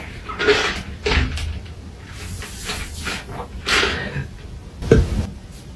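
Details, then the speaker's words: Deliberate burping toward someone's face: a series of short, low, throaty burps with room noise between them, followed by "excuse me". "really burping in your face casey uh"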